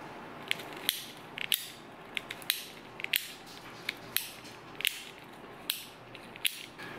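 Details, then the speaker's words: Sharp irregular plastic clicks and ratcheting from a disassembled Advair Diskus dry-powder inhaler as its lever turns, advancing the next medication pouch, peeling its foil cover and winding spent pockets onto a take-up spool. "as you turn this lever the next sprocket grabs the next little pouch and pulls it along the track"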